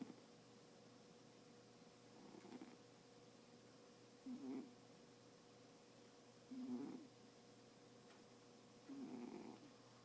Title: TienTien is snoring